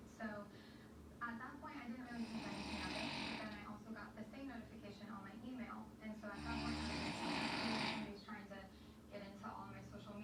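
Loud, rough breathing sounds with hissing exhalations rising and falling over about two breaths; snoring.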